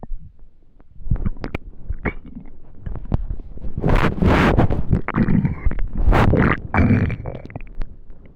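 Loud, deep rumbling and gurgling with rising squeaky growls; hunger-related stomach noises.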